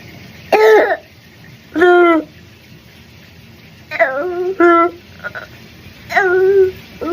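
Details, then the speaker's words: Child with croup, a viral illness (parainfluenza, RSV): repeated harsh, honking barking cough like a dog or sea lion. "ሳሉን እንደሰማችሁት ልክ እንደ ውሻ ወይም ደግሞ ልክ እንደ ባህር አንበሳ ነው የሚሆነው። ሲል ላይክ ወይም ባርኪንግ ላይ ነው የሚጮሁት ማለት ነው።"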